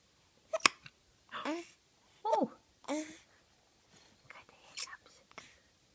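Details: Small child hiccupping while giggling and being tickled: about four short, abrupt voiced catches over several seconds with quiet breathy sounds between them.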